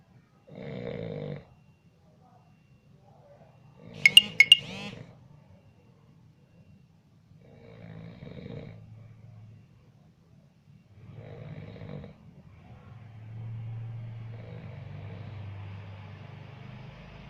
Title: Ngerekam Suara Ngorok Orang Lagi Tidur ..Iseng 😂